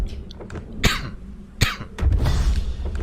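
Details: An adult man who is unwell, short of sleep and thinks he caught a minor infection, nothing serious, gives two short, sharp dry coughs about a second apart, over low room rumble and faint music.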